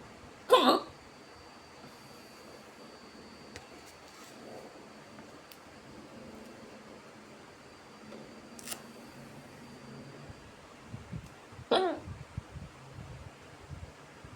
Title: Women starts having cute hiccups after smoking a cigarette #hiccups